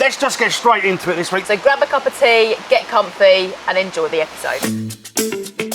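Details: Adult woman speaking; typical speech.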